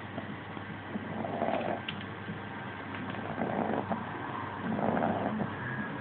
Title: Staffi, the snoring staffi pup